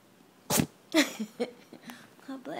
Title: sneeze attack